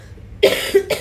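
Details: An adult woman who says she has a cough and fever gives two or three short, harsh coughs in quick succession; cough.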